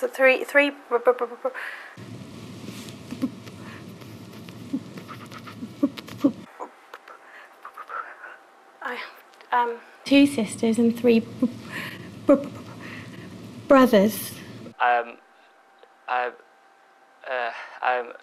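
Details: Adult man with a severe stammer his whole life, enrolled on the McGuire stammering programme; stuttering.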